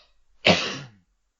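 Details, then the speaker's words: Adult podcast host gives a single abrupt, harsh half-second expulsive burst, a cough blending into a sneeze. "take my first shot a whiskey for the night that was a cough sneeze did you hear that"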